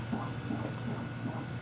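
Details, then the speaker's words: Fetal heartbeat on ultrasound Doppler, baby boy due September 17, 2013, recorded April 25, 2013: rapid, regular whooshing pulses at 159 beats per minute, judged normal. "do you hear the heartbeat do you 159 beats per minute it's normal"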